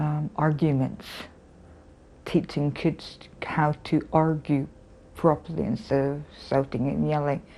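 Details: Adult woman, a former teacher, with aphasia after a stroke that ended her teaching career; aphasia.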